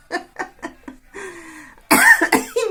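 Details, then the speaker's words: Adult woman, ill and using a homemade onion-and-sugar remedy, gives short voiced bursts then two sharp dry coughs with no rattle or wet sound; she describes her cough as dry and infrequent. "мне сейчас сухой кашель такой редкий но сухой"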